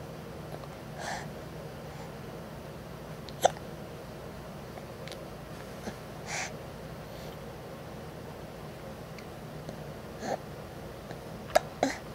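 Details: Short, sudden gulping catches recurring at uneven intervals, about six in twelve seconds, in a quiet room: hiccups.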